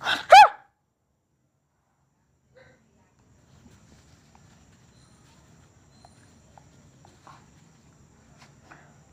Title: Sneezes Philippines.